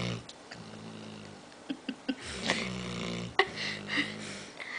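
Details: Low rumbling breaths with a nasal snort and a few soft clicks from a dog snoring while half awake, in a quiet room; snoring.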